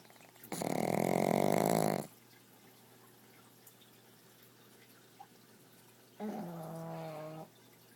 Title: Pugs snoring